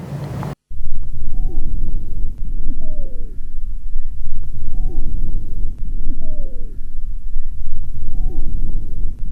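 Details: Pediatric auscultation teaching recording: breath sounds at about 18 a minute with short musical whistling tones in each cycle over a rumbling background: wheezes, dry whistling sounds from narrowed airways.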